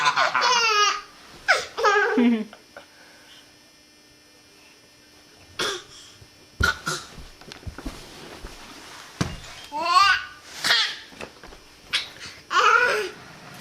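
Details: Infant laughing and babbling, with a few short coughs mixed in among the giggles.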